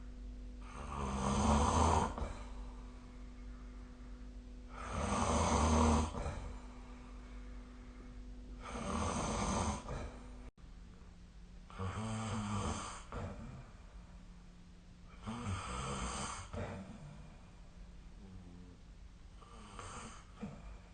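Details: Loud, regular snoring during sleep, about 15 breaths a minute, with rattling noise on each inhalation.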